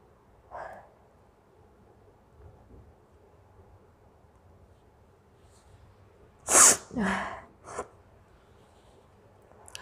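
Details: Adult in a nose-blowing/sneezing challenge video, apparently trying a matchstick to set off sneezes: a faint intake, then a loud, sharp sneeze followed by two smaller sneeze-like bursts in a quiet room.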